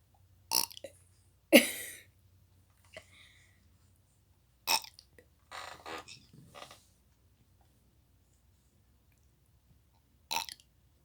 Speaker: Okay, goodbye. I can't stop burping.